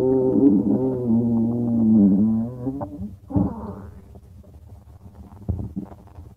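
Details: A long, low, droning rumble with a buzzing quality, then softer gurgles and pops; stomach growling, normal bowel sounds (borborygmi).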